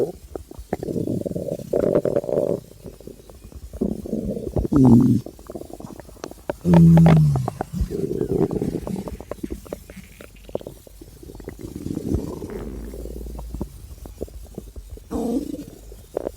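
Loud irregular gurgles and drawn-out groaning rumbles with brief squeaky tones; typical hunger stomach growling.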